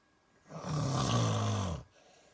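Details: Snoring at night heard by a listener unable to sleep: a single loud, rattling snore lasting just over a second, then quiet.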